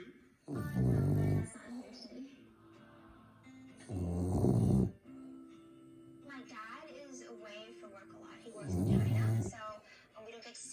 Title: Bulldog / the snoring bulldog